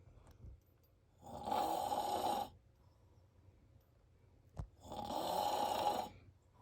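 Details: Two loud, harsh, rattling in-breath snores, each about a second long with quiet gaps, from an adult man asleep; heavy snoring.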